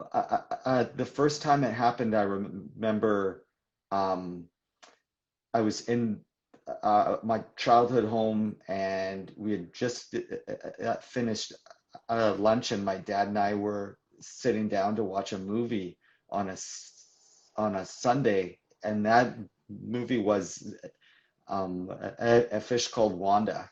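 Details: Adult man who describes himself as a person who stutters, in real live conversational speech; stuttering.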